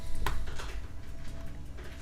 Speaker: oh you heard my stomach that time maybe I'll put the mic on my stomach so you can hear it going